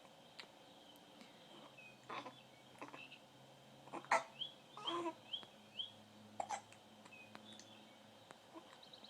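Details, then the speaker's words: Infant boy who gets hiccups daily: about six short, sharp, catching sounds less than a second apart against quiet room noise; hiccups. "see I got hiccups I got here goes yep that's what happens see I get them all the time all the time"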